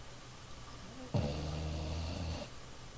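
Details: Small dog resting after a hard day of playing, snoring: one low, rumbling snore lasting about a second and a half over quiet room noise.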